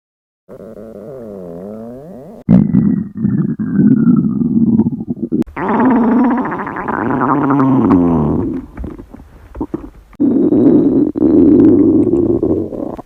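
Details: Imitation of a woman's very long, loud hunger stomach growl during a diet: long, loud, warbling growls and gurgles; harmless borborygmi, reproduced rather than real.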